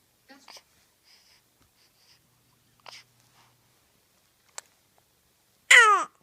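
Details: Baby girl cooing then sneezing: soft infant coos and small vocal sounds, then a short sharp burst and a louder cry-like call, most likely a sneeze.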